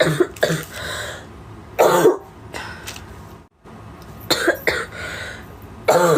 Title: Japanese Girl Coughing